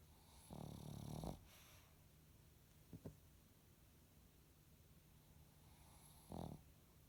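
Soft, low rumbling snores with quiet pauses between them, heard in a small room; ordinary sleep snoring.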